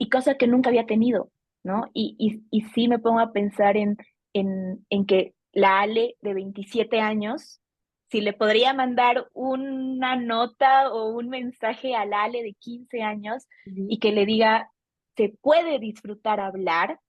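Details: Adult female Bolivian speech therapist who has stuttered since age 4, formerly covert stuttering with word avoidance, now working toward self-acceptance; stuttering.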